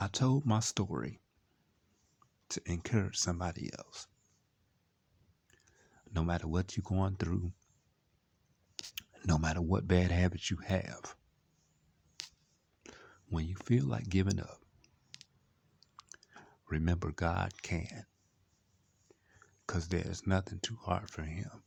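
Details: 38-year-old man, born at about 28 weeks, with cerebral palsy caused by lack of oxygen, telling his own story: speech in cerebral palsy (dysarthria).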